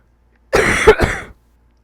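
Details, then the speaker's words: Adult speaking who keeps coughing and cannot talk: two short, harsh cough bursts close together, partly like throat clearing; cough. "But I've lost all hope. And ugh, I want to talk and I keep coughing."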